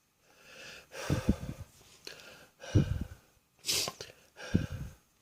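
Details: Afternoon productive cough with wheezing: four heavy, congested, chesty coughs with noisy breathing between them.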